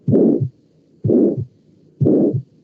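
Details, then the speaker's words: Heart recording of aortic stenosis played in a lecture: three beats at about 60 per minute, each with a harsh rushing systolic murmur before the second sound. "ahora la estenosis aórtica pues obviamente igual va a hacer este en el soplo va a ser histórico"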